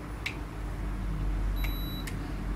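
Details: Soft clicks and a short high electronic beep from a Microlife infrared forehead thermometer signalling a completed body-temperature reading, over low room hum.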